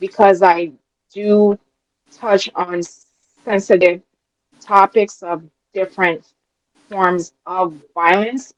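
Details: Adult woman with a self-reported speech impediment she calls a "quote unquote disability" and says listeners can hear; speech impediment.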